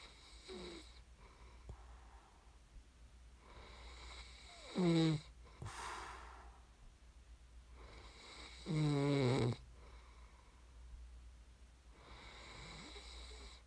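Loud rattling snores on inhalation, two to three in about fourteen seconds, separated by quiet breathing; typical adult sleep snoring.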